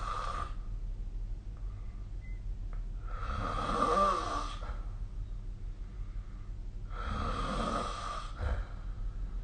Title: 🐽 本日のイビキ / Snoring Sleep Sound